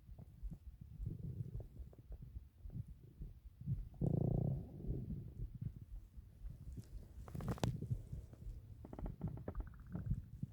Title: 8 minutes of stomach growls